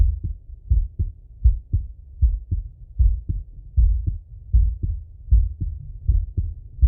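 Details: Male heart auscultation through a stethoscope, recorded sitting or lying: regular low paired thumps at about 78 beats a minute, clear and steady; normal heart sounds.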